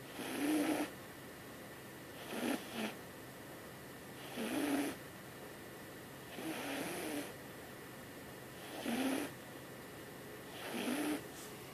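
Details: Young cat snoring at night: soft, rhythmic snoring with six breathy snores at about 30 a minute, some with a faint rattle, against quiet room hiss.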